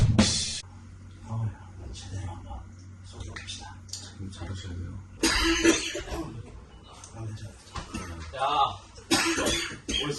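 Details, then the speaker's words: Adult's few harsh cough bursts, acted as a prank at a birthday party, over background music and chatter; a single cough supposedly ruining the much-anticipated party. "Today's content, What if my much-anticipated birthday party was ruined by a single cough?"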